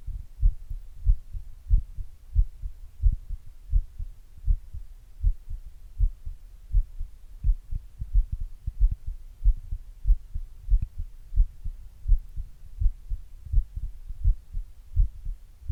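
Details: Adult's own heart recorded at rest with an earbud mic and a glass: steady, dull low thumps about 83 beats a minute; normal resting heart sounds.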